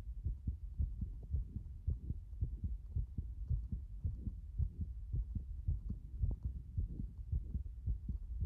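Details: Fast, somewhat uneven low heart thumping at about 110 beats a minute with a not fully regular rhythm; the person says their heart has been like this since this morning.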